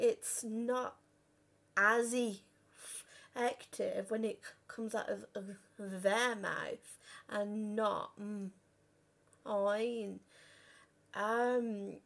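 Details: 32-year-old woman who has stuttered since about age five or six, worst on the phone, had speech therapy and breathing techniques at 15; stuttering.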